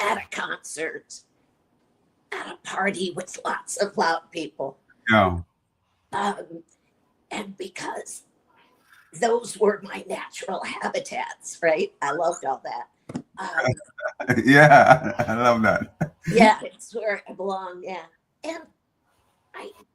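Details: Adult woman with chronic dysphonia, treated with Botox injections into the vocal cords every three months; dysphonia.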